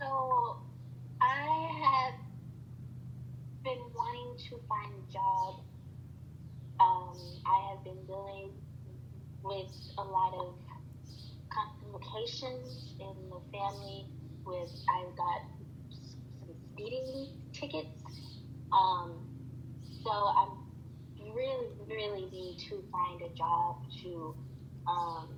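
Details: Acted client with acquired stuttering that began after a stroke (CVA) about three months earlier, with word-finding difficulty; stuttering (acquired, acted).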